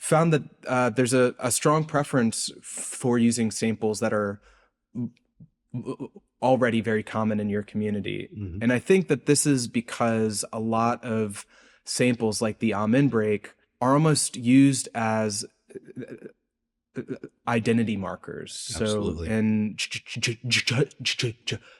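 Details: Adult male postdoctoral researcher, self-reported speech impediment audible throughout an interview; speech impediment (stuttering-like disfluency).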